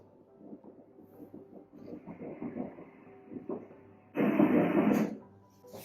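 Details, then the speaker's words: Fetal heartbeat on ultrasound at 9 weeks 4 days of pregnancy, rate 167 beats per minute; fast soft rhythmic pulses followed by rustling noise. "قلب در حال حاضر 167 است. صد و شصت ضربه در دقیقه"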